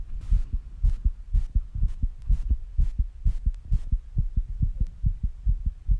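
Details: Own fast heartbeat recorded after rebreathing and squats, with heavy breathing: strong, regular low heart thumps at roughly 120–130 beats a minute, with bursts of rubbing or breath noise; rapid heartbeat after exertion.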